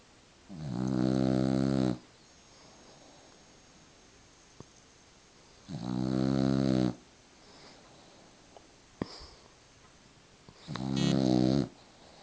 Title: Such a little girl, such a big snore!